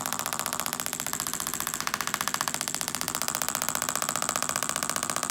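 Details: Shockwave therapy with a plastic applicator tip at 2.5 bar over the anterior talofibular ligament, in chronic post-traumatic ankle pain after fractures, given weekly for 3 weeks: rapid regular clicking pulses, about 128 a minute.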